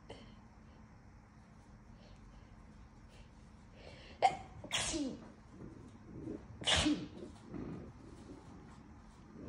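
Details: Two forceful, wet sneezes a couple of seconds apart, each preceded by a sharp in-breath, over quiet room noise; induced sneezing in an adult still congested while getting over a cold.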